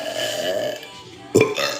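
A single loud, throaty burp breaks a stretch of quieter room sound.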